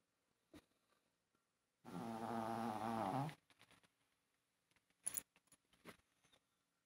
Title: Chihuahua snores.